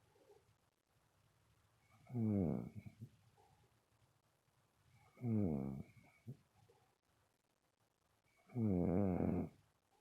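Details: Three rattling, low snores about three seconds apart, roughly 20 a minute, in a quiet room: ordinary sleep snoring.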